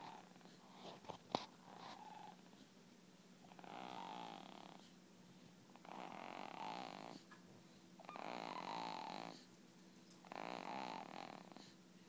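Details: Snoring recorded in 2011: soft, buzzing snores on each breath about every two to three seconds, with a slight whistle; gentle snoring during sleep.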